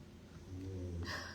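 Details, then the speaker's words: Pet cat snoring loudly while asleep, described as very loud in the room: a quiet, low rumbling snore ending in a brief soft hiss. "Dan malam hari ini kita live ditemani dengan Sultan Ngorok Ara ada di sini. Saya enggak tahu kamu bisa dengar apa enggak, tapi di sini kencang banget."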